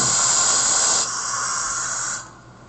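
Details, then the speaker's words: CEREC crown cementation: steady hissing water spray for about two seconds then fading, rinsing the tooth after light-curing the cement and flossing out excess. "okay okay now we're going to rinse that off"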